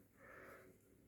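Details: Patient in the emergency department during an asthma attack: a single drawn breath with a high, whistling musical tone over soft room noise. Wheezing attributed to asthma.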